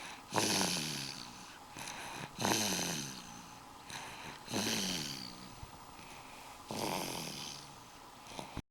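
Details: Child asleep in a car seat snoring: four evenly spaced, rattling, slightly tonal snores at about 28 breaths per minute, over faint room noise.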